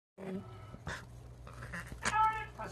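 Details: Pet pig reverse sneezing for a week, still eating, vet not concerned, episode after overexcitement with new toys; a few sharp noisy snorting breaths in quick succession.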